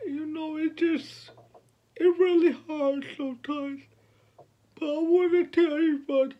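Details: 29-year-old man with cerebral palsy since birth, born at five months' gestation, speaking about his life and disability; finding: dysarthric speech in cerebral palsy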